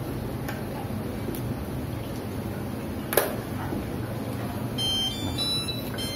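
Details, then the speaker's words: Brief high electronic tones over room hum and faint clicks: Medin CPAP alarm with red indicator light signalling an adaptor fault, possibly a damaged adaptor needing replacement. "bunyi Lalu ada warna indikator merah menyala ini menginformasikan ada masalah di adaptor bisa saja adaptor mengalami kerusakan maka kita harus menggantinya"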